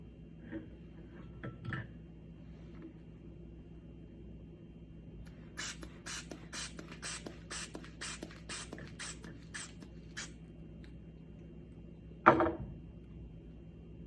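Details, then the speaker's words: About ten quick, rhythmic squeezes of a hand bulb with short puffs of air, inflating a manual blood pressure cuff on the arm over the brachial artery until the pulse can't be felt, during a training lab demonstration. "I'm going to inflate the cuff until I cannot feel a pulse and then I will note this point in my notebook and then I will also inflate the cuff again to 30 mmhg beyond where I last felt the pulse so"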